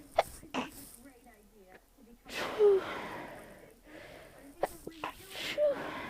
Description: Stifles at the beginning. They were more muffled at the end because I was sneezing into my pillow.